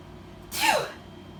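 A single sharp sneeze, a quick intake followed by a forceful burst of air, in a quiet room.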